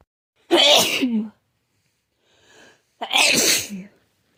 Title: Constant cold sneezes.